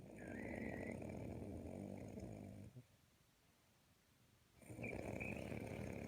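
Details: Adult man (dad) asleep, with a kitten kneading on him, snores: loud, rough rattling snore on inhalation, a quiet pause on exhalation, then another coarse snore.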